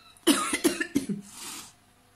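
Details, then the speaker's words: Cough from an adult woman ill for several weeks with a hoarse voice, regular cough and slightly runny nose: a quick run of three or four short, sharp coughs, then a breathy exhale. "Je me traîne une saloperie depuis quelques semaines. J'ai la voix enrouée, je tousse régulièrement, j'ai tendance à avoir le nez qui coule légèrement."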